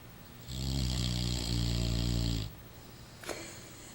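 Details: Rottweiler snoring loudly enough to wake its owner: one long, low, buzzing snore of about two seconds, followed by quiet breathing; snoring.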